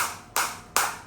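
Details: Three sharp snapping pulses in about a second from a focused (not radial) shockwave therapy applicator, frequency raised to its maximum of 180, with the operator feeling the pulses deep inside.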